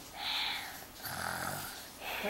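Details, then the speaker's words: A boy pretending to be asleep, snoring loudly: alternating noisy breaths with a low fluttering rattle on one phase; feigned snoring. "pior que você que mãe dele Caramba como tá roncando alto caramba"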